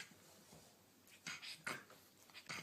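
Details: Noisy breathing (snorting).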